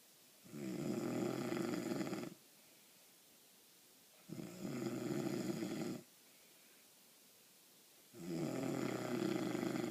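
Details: Snoring: three loud, buzzing, rattly snores, each about two seconds long and separated by quiet exhalations, at roughly 16 breaths a minute.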